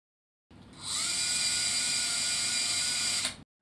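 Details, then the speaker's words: Power insertion of a 40 mm locking screw into the proximal plate shaft hole after drilling with a 2.8 mm bit, in a demonstrated proximal femur varus osteotomy with an LCP Pediatric Hip Plate 3.5 110°: steady high-pitched motor whine lasting about three seconds. "The depth is measured directly from the drill bit. And here a 40 mm locking screw is initially inserted under power."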